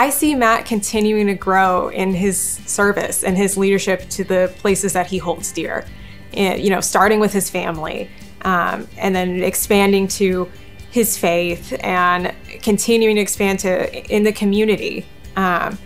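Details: Adult woman speaking; Normal fluent speech.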